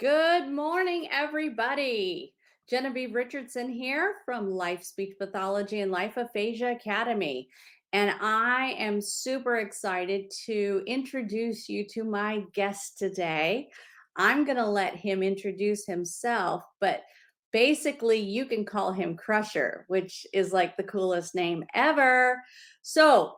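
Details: Adult woman speaking; normal speech.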